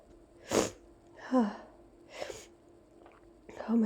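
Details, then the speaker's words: Person with allergy sneezing after opening windows in summer, non-stop nasal tickle for two minutes: a run of several explosive sneezes in quick succession with quiet breaths between, in a small room. "I'm not done. I still have to sneeze. There's more. No, I still have to sneeze."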